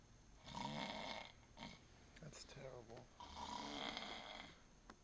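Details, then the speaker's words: Bad snoring that onlookers think may need a doctor, described as a snore within a snore: harsh, rattling snores on each breath with a brief voiced snort between them; loud, heavy snoring. "Man, that's not healthy. That's not healthy at all. It's a snore within a snore."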